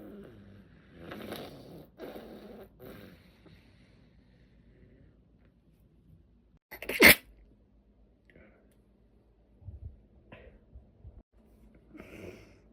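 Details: Stifling a sneeze and nose blowing, with sniffing, then one sharp explosive sneeze followed by quieter sniffles; sneezing.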